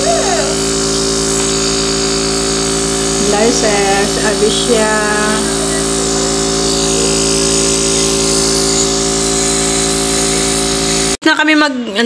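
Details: Steady loud motor hum of a home nebulizer treating a young child with a cold, phlegm in the throat, fever, and night cough with vomiting, child's voice faintly over it, then cutting off.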